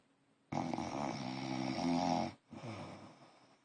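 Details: Fiancé snoring: a long, loud, rattling snore on one breath, then a shorter, softer one after a brief pause.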